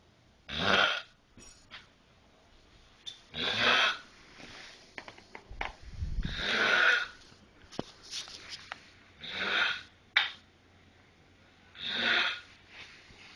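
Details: A dog makes rough, snorting breath noises about 20 times a minute with uneven spacing, recorded on a Friday night; snoring.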